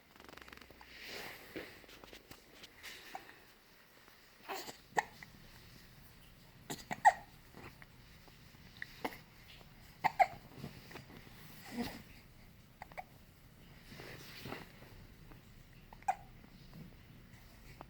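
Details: Three-week-old baby boy held in arms on a sofa, showing hunger cues: brief sharp hiccups, irregular, roughly 19 a minute, with soft baby noises and quiet room sound between; hiccups.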